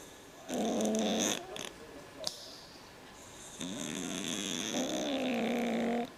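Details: Cat snoring very loudly in sleep: loud, rough snores with a whistling, tonal edge on each breath; noisy breathing from a condition he had as a newborn, now fine.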